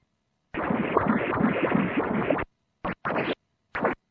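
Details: Harsh whooshing Doppler flow noise, one long stretch then short bursts, during echocardiographic ultrasound examination of a cat with an atrial septal defect.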